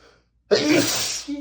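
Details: Quiet indrawn pause then one sharp, hissing sneeze from a reader (marked M) who is allergic to dust, while reading a dusty book aloud.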